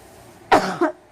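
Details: Short cough of two quick bursts in a quiet room.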